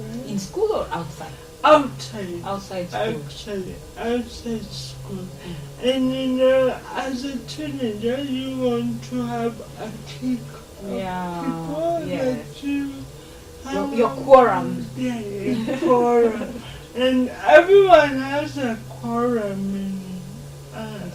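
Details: 26-year-old woman with lifelong cerebral palsy who began talking much later than other children; real, not acted; dysarthria due to cerebral palsy.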